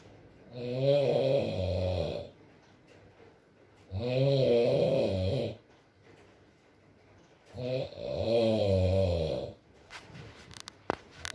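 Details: Adult man (boyfriend) asleep, ASMR recording: three loud, rattling, throaty snores about four seconds apart with quiet pauses between, over soft rain; snoring.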